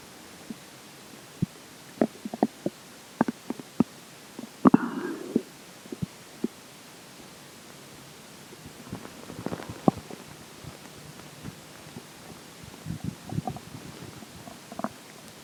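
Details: Stomach growling during digestion, as the water and air take major effect: frequent gurgles, pops and short rumbles over a steady hiss; active bowel sounds.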